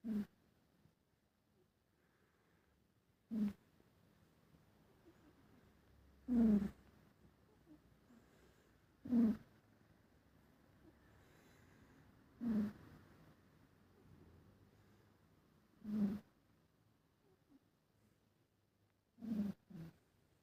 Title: cute Snoring #cute #siamese #catlover